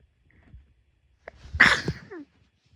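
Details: A single sneeze: a short intake of breath, then a sharp noisy burst that trails off quickly.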